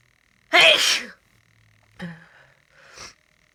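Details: Person sick with a cold: a loud explosive sneeze followed by two smaller sneezy bursts, a sneezing fit, amid nose blowing and sniffing.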